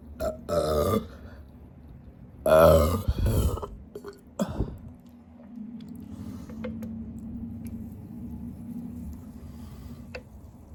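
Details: Person burping after trying to drink a big can of Sprite in one breath: two loud, low, rumbling belches within a few seconds, then quiet room noise.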